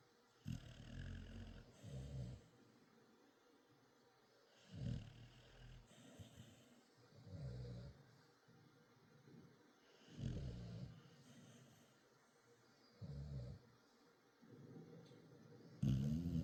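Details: Loud, low rumbling snores with quiet gaps, about 11 breaths a minute, from a sleeping Dachshund/Beagle mix dog, recorded at night; ordinary dog snoring.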